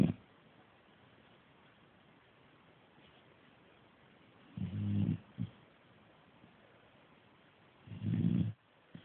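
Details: Staffie pup asleep after a hard day chewing: two low, rattling snores a few seconds apart separated by quiet breathing; snoring.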